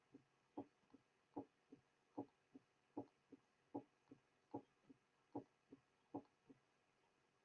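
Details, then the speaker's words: Simulated recording of mitral stenosis at about 75 beats a minute: a loud first sound followed by a sharp early diastolic click, the opening snap, with no murmur. "The following example will present each feature of mitral stenosis. A loud first sound is followed by a mid-diastolic murmur."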